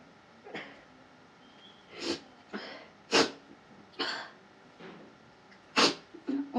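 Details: Staged comedy sneezing challenge: a performer who put red chili in her nose, with burning nose and watering eyes, gives several short, sharp, sneeze-like bursts of air. Sneezing.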